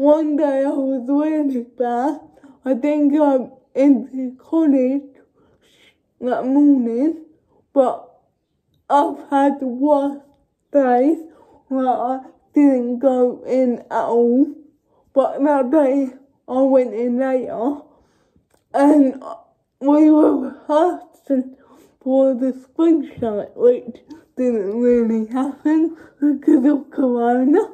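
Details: Young woman who states she has cerebral palsy, speaking spontaneously (real, not acted); dysarthric speech in cerebral palsy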